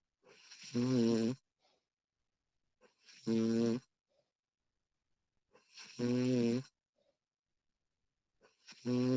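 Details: Woman snoring during sleep, recorded with professional audio: loud, regular snores on each breath in, roughly 22 a minute, with quiet pauses between.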